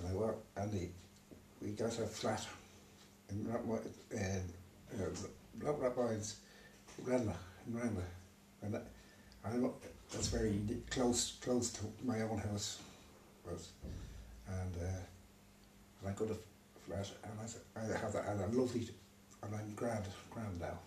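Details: Man with aphasia after a stroke, left unable to read or write; aphasia.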